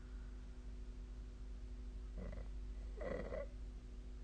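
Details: Snoring during sleep, recorded 2024-12-23: two short, rough, rattling breathing noises over a steady low room hum.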